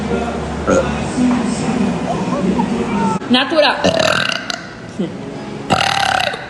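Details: A compilation of girls burping: several loud belches over music and chatter; burping.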